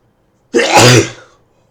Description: I currently have a cold, and decided to induced some sneezes my nose is very sensitive